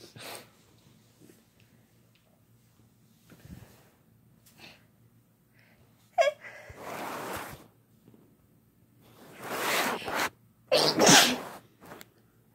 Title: Having Fun Sneezing Together